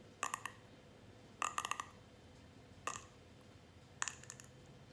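Four quick clusters of sharp popping clicks, each a rapid run of cracks; neck joint cavitation during self-cracking.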